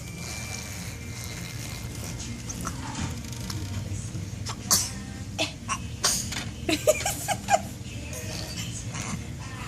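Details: Toddler blowing lip raspberries and sneezing at the same time: several short, sharp bursts of sound with a sneeze mixed in.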